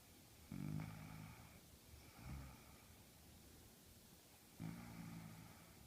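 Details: Low, rumbling snores in three bursts over about six seconds from a sleeping animal in a quiet room: snoring.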